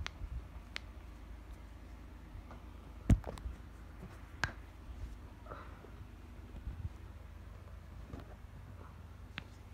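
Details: Joint cracking.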